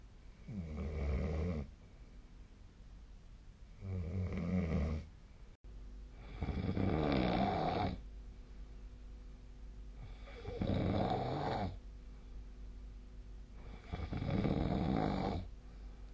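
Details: Snoring during sleep: loud, regular rattling snores, about 15 breaths a minute, each on the in-breath with quiet gaps between; steady adult snoring.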